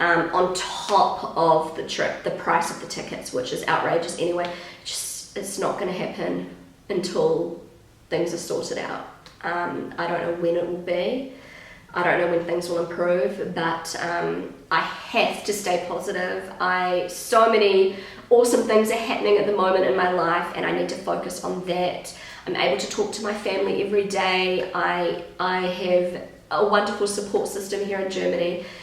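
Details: Pregnant woman with a habitually croaky, crackly voice that she says worsens markedly during pregnancy, attributing it to the pregnancy; also slightly out of breath; vocal fry (creaky voice).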